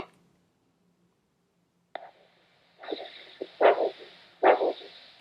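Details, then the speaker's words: Handheld Doppler at the tibial ankle pulses during a podiatry new-patient assessment: regular, steady whooshing pulses with a three-part beat and no missed beats at a good rate. A normal triphasic signal showing flexible, elastic arteries. "So, when we hear that we're very encouraged because we know people have got really good, flexible arteries, which is what we're after."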